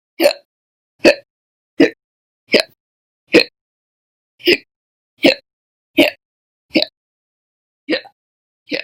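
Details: From a month-long hiccup recording series, July 2020: eleven sharp, fairly regular hiccups, about 80 a minute, in a quiet room; a sustained spell of slow hiccups.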